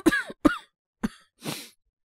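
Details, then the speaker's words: Acted cough by a male voice actor playing a young man with a cough since yesterday, no sore throat, runny nose or fever; a cold is suspected. Three short dry coughs, then a breathy exhale. "なんか昨日から咳が止まんなくて。喉が痛いとか、鼻水が出るとかそういうのはないんですけど、本当に、喉ってか咳こんな感じとか続いてる感じっすかね。"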